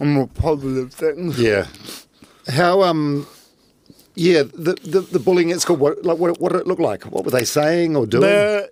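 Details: Adult podcast host, with a brief second voice; typical speech.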